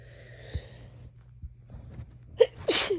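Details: Person with a cold, congested and itchy, snotty: brief nasal sniff then a sharp wet sneeze over faint hum; sneezing.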